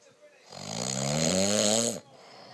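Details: Husband snoring in sleep after too much wine: one loud, rough, buzzing in-breath snore lasting about a second and a half.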